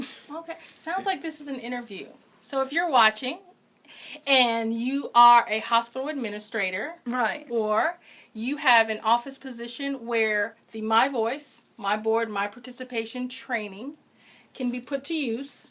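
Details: Adult woman speaking; typical speech.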